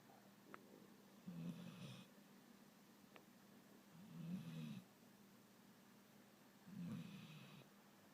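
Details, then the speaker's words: Dog snoring while asleep on the couch: three low, fluttering snores about every 2.7 seconds, near 22 breaths a minute, in a quiet room. "Okay. The dog is snoring. Snoring dog."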